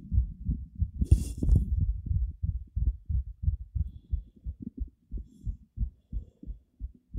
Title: heart beat visible 190 bpm